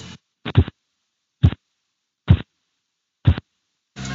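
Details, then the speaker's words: Blood pressure measurement teaching: soft, muffled low thumps about 70 a minute, sound fading in strength; fourth-phase Korotkoff sounds, marking diastolic pressure in children and pregnant women. "En el cuarto ruido es el mismo que en el tercer ruido, solo que comienza a descender la fuerza, o sea, que el ruido es menos fuerte. Este ruido que se va desvaneciendo nos indica la presión arterial diastólica en niños y mujeres embarazadas."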